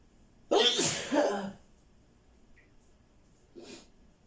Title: Sneezing attack